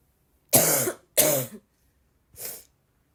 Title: the more I cough, the more I feel like coughing